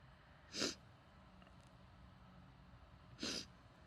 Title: stifled sneezes, nose blowing and let out sneezes into a handkerchief (f)